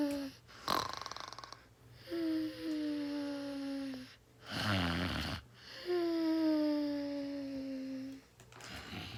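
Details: Snoring: long whistling, tonal snores slowly falling in pitch, alternating with rough, noisy breaths.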